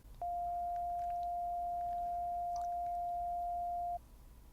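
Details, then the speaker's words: Pure-tone hearing test tone in a roleplay hearing exam: a steady pure beep of about four seconds at 700 Hz, following 500 and 600 Hz tones, during the frequency beep test. "Okay. So next is 500 hertz. And could you hear that one just fine? Okay, great. Moving on to 600 hertz. Could you hear that one okay? Wonderful. Moving on up to 700 hertz."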